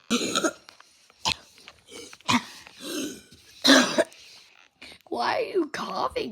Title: why are you coughing so much